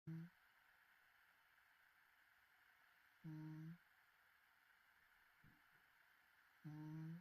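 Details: Short, low, buzzing snores recur about every three seconds during sleep, over a quiet room background.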